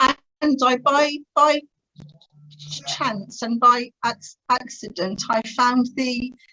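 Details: Adult woman who has stammered since about age three, severely during her teenage years, and later attended the Starfish Project speech therapy course to gain control; finding: stuttering.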